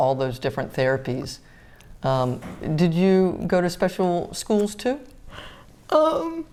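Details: Adult woman speaking; normal speech.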